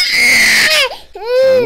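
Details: A loud, high-pitched wail, a brief catch of breath, then another rising cry from an 18-month-old girl with birth trauma, walking and balance issues and a neck problem, during a chiropractic session.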